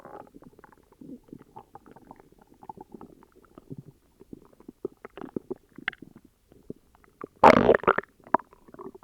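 Irregular gurgling and bubbling rumbles with one louder, longer growl; stomach growling from an upset stomach.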